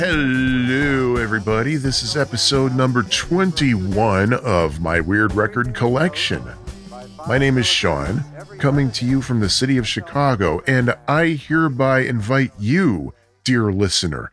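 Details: Adult male speaker; ordinary speech.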